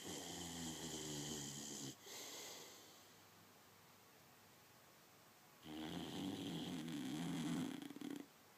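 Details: A boxer dog snoring: loud, rattling, vibrating snores on the breaths, separated by quieter pauses, with a faint steady hum in the background.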